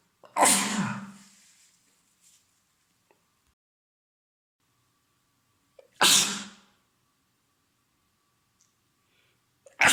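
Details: Two loud, explosive sneezes several seconds apart, a third starting at the end, from an adult male with a common cold, congested with sore throat; sneezing.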